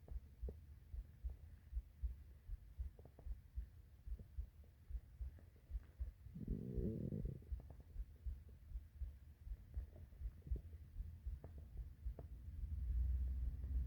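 Low, steady rumbling with a brief louder gurgling growl in the middle, hunger stomach growling, a normal digestive sound.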